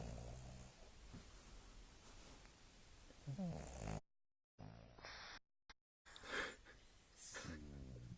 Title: Findus snoring